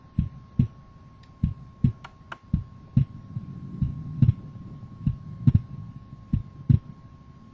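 Simulated heart sounds with regular low thumps, some second sounds briefly doubled, over a faint steady hum: physiological splitting of the second heart sound, a normal finding.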